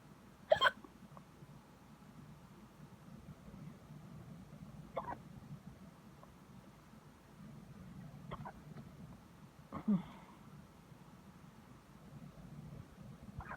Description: Random hiccups. I sound like a mutant mouse